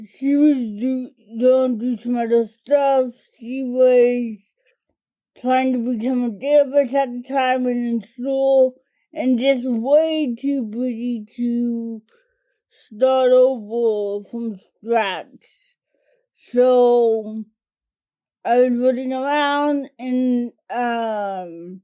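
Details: adult woman diagnosed with cerebral palsy as a toddler, which primarily affects her speech and fine motor skills; dysarthria (cerebral palsy)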